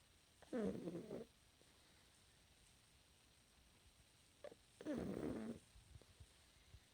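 Two soft, fluttery snorting snores about four seconds apart, with faint breathing between, in a quiet room.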